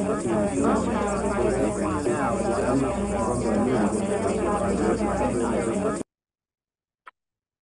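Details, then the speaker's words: Simulated mild hearing loss: muffled female speech partly buried in background chatter and noise, demonstrating how hard speech in noise is to understand with a mild hearing loss. "so I'm going to play this speech again with a mild hearing loss and then I'm going to play around with adding some different kinds of background noises"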